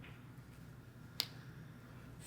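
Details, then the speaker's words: Single sharp click in a quiet room as a finger joint cracks during a chiropractic adjustment of a female patient's arm, elbow, wrist and fingers, with the patient breathing in first; joint cavitation. "I'll now demonstrate adjusting the arm the elbow the wrist and the fingers breathing in first"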